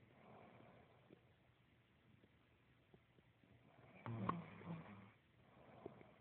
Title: snore of death